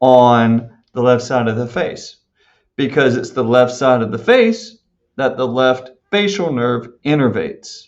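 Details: Adult male speaker; normal speech.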